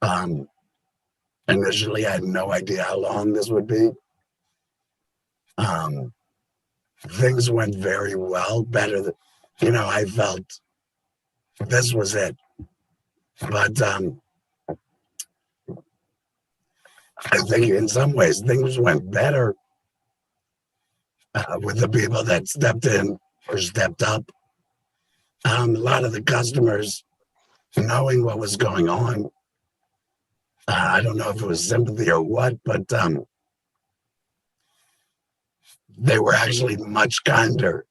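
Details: Adult man, total laryngectomy February 2019 for stage four squamous cell carcinoma; tracheoesophageal puncture with voice prosthesis about seven months later; words took about 30 days, speech about three months; tracheoesophageal speech after total laryngectomy.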